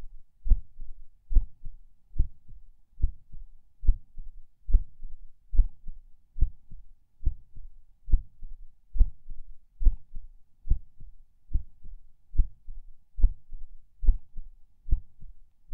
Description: I am lying in bed, falling asleep, and feel every beat and every skip of my heart. I am not sure if these soft skips are PACs? There is also distinct split S2.